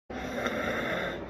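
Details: Asthma patient: continuous musical, whistling expiratory wheeze from airway obstruction, as heard in obstructive lung diseases like asthma or COPD.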